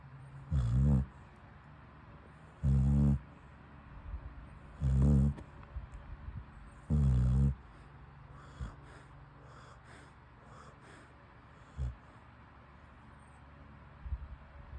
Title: When your dog snoring too loud